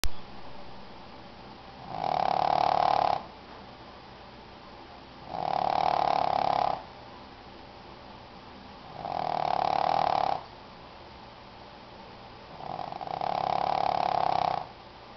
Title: Shih Tzu Snoring Loud